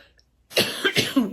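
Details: Adult woman who is currently ill coughing, a run of about three harsh, rapid cough bursts after brief quiet; says she couldn't sleep and mentions an inhaler ("bombinha"); cough.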